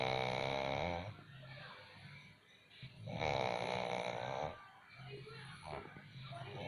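Loud rattling snores on each breath in, with quieter breathing out between them: snoring.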